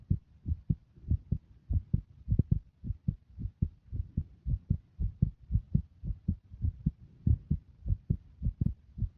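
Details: Adult heartbeat with visible pulsation, heard as steady, regular low thumps at roughly 95–100 beats a minute.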